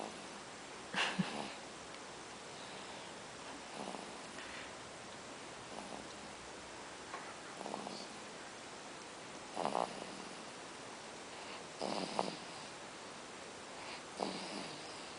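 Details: Snoring in an infant around 7 weeks old: soft, rhythmic snoring breaths at about 28 a minute over quiet room noise.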